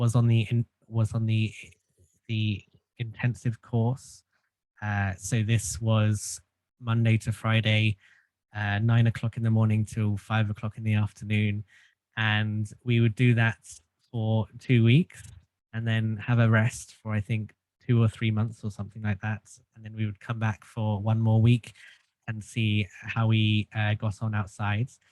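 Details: Stuttering in an adult male since childhood, treated with group speech therapy; stuttering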